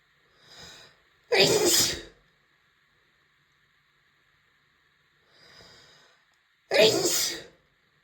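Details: Adult female with allergies: two forceful sneezes, each preceded by a short in-breath.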